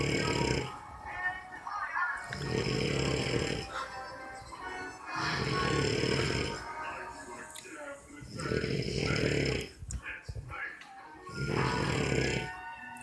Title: snoring away new years eve 10pm